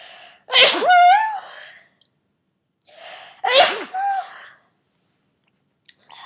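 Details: Person getting over a cold gives two forceful sneezes about three seconds apart, each preceded by a sharp inward breath; sneezing.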